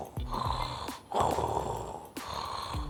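An adult imitates snoring: three rough, rumbling breath sounds in a row, showing breathing continues while snoring.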